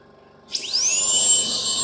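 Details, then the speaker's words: Air rotor high-speed handpiece on a portable dental unit being demonstrated: quiet room, then a piercing whine that spins up quickly and holds steady; a high-speed dental drill running. "so you can attach the air rotor and you can use B point for the low speed hand piece or you can use both points for the air rotors"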